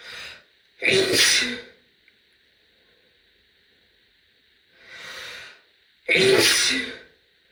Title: loud female sneeze (F)